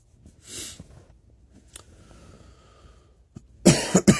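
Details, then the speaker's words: A person who says they are sick gives soft breathing and a sniff, then a short burst of loud, rough coughs with throat clearing in a quiet room. "Hear that? I'm basically dying."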